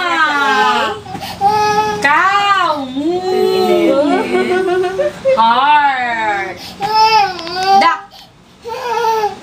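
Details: 1-year-5-month-old toddler crying at a pediatrician visit for a second-dose hepatitis injection: loud, tonal repeated wails with rising and falling pitch and short catches between bursts.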